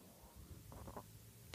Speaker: hear that my stomach just growled huh maybe i'll leave that in